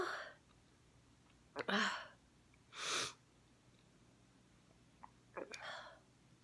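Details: Woman in glasses sneezing repeatedly without covering her face: four sneezes in quick succession, some with a short gasping intake before them, in a quiet room.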